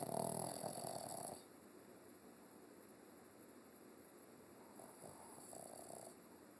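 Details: 6-year-old Pekingese/Shih Tzu mix dog snoring: soft rattling snores on in-breaths with quiet pauses between them, over a steady background hum.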